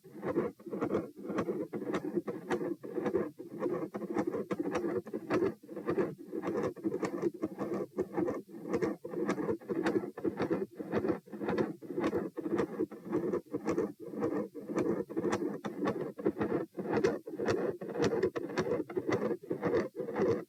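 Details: Heart sounds recorded at position P: a continuous, rumbling machinery murmur gradually builds through both phases of the beat, with electrical crackle and disturbance.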